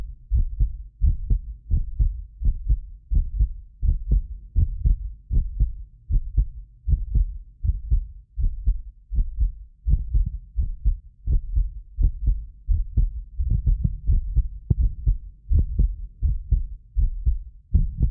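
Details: Heartbeat of a medically fit adult recorded with more than six precision contact microphones; regular strong beat at about 83 a minute, occasional doubled click from a 6 ms microphone delay, not the heart; normal heart sounds.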